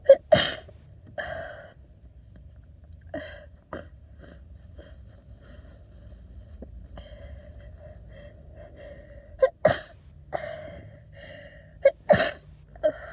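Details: Adult with a cold, sick and congested, sneezing in a parked car after a nose tickle while driving: several forceful, wet, snotty sneezes with sniffles between them; messy sick sneezing.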